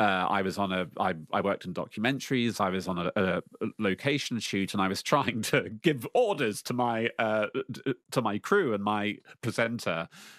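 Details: Lifelong stuttering in an adult man speaking about facing his fear in public.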